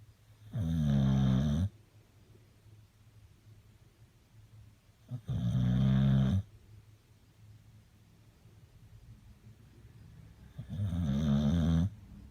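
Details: Snoring: three deep, rumbling snores about five seconds apart (about 13 a minute) with quiet breathing between, ordinary snoring.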